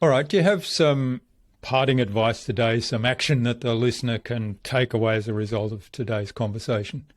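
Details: Adult man; normal speech.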